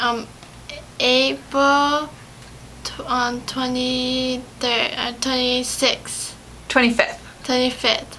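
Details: 17-year-old female in speech therapy in April 2011 after an ischemic/hemorrhagic stroke on February 27, 2011 from a longboarding/snowboarding incident; aphasia.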